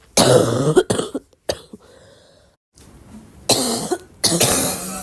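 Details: Adult coughing with repeated throat clearing: several loud, harsh cough bursts separated by quiet gaps.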